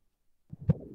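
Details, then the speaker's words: Soft low thumping fetal heartbeat on a sonogram, setting in after a moment of silence. "that a beautiful sound that sonogram holds the sound of a baby's heartbeat"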